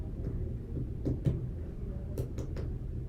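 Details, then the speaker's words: Abdominal percussion in a focused abdominal assessment, done after auscultation and palpation: about five soft finger taps, with hollow, drum-like, high-pitched tympany the expected normal note, while checking for dullness. "listening for any dullness you want to hear high-pitched timpani when percussing"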